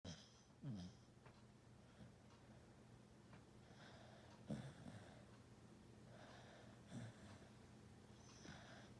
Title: snoring zzz